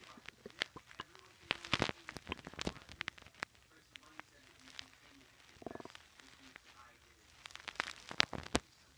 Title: Stomach growls while watching tv 2